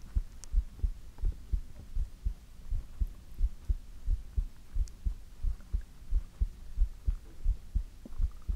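Regular low double thumps at about 88 beats a minute over a faint hum; a steady heartbeat.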